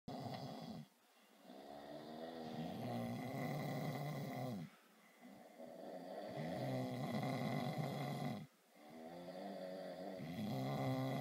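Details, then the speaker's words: Long, loud, vibrating snores with brief quiet pauses, about 16 breaths a minute, in a quiet room, from an adult brother sleeping during a trip; heavy snoring. "As some of you guys know, I snore a lot. My brother, he's apparently fixed up his snoring u freaking sounds."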